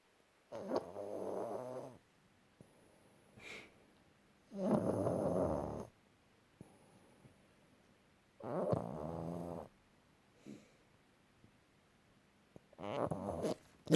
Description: Pug snoring whilst still being awake, how he do dat?